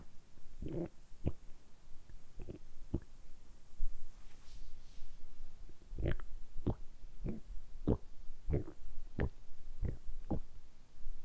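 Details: Deliberately produced stomach rumbling (borborygmi), kept up continuously in a close-up ASMR recording. Repeated low gurgling rumbles and pops, about a dozen in ten seconds, ordinary bowel sounds.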